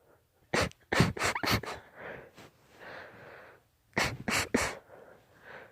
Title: Sneeze fit